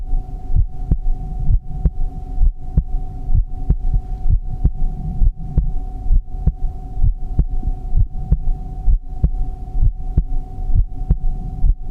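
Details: Steady, low thumping heartbeat, about 65 beats a minute, over a constant background hum; relaxing heartbeat sound.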